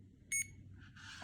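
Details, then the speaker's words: Single short high electronic beep from a CADD Legacy infusion pump (IV Remodulin) as the prime key is pressed and held to prime the tubing, clamps unclamped, then faint rustling. "so i'm going to make sure all of my clamps are unclamped there's two and i'm going to press and hold the prime key"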